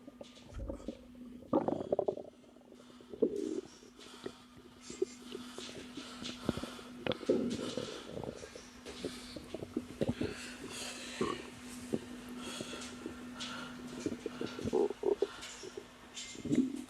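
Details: Woman about three months pregnant, relaxing and noting discomfort but no pain: irregular gurgles, rumbles and bubbling pops over a low steady hum; normal bowel sounds (borborygmi).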